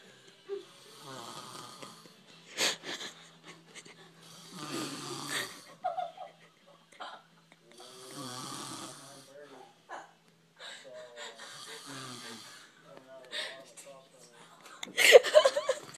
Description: Dads snoring